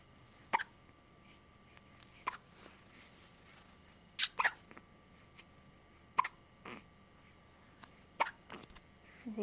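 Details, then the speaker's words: About five soft, abrupt hiccups, roughly one every two seconds, in a quiet room; frequent hiccups, about 10 times a day, especially in the middle of bottle feeding; hiccups. "Hiccups again. You have a lot of hiccups. Like 10 times a day."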